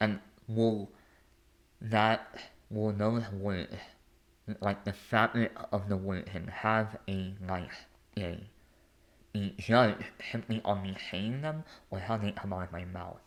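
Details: Lifelong speech impediment in an adult male.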